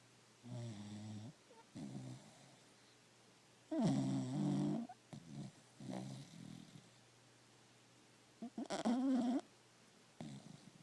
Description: Stella the cocker spaniel snores in deep sleep